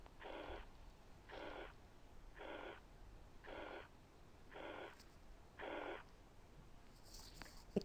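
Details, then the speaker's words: Regular, even-toned blowing murmur filling each systole at about 58 a minute, stethoscope diaphragm at the apex; mitral regurgitation. "تاني كيس كانت على الابيكس with diaphragm، بالظبط كانت mitral regurg."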